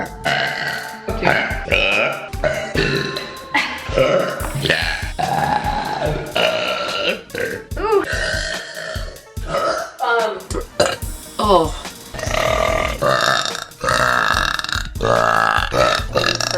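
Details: Girl making repeated deliberate burps: long, loud, voiced belches running almost continuously over background music.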